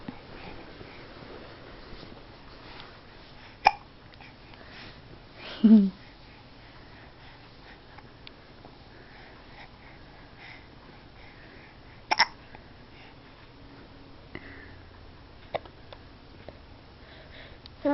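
A few sharp, sudden catches of breath scattered over a quiet room, several seconds apart; infant hiccups.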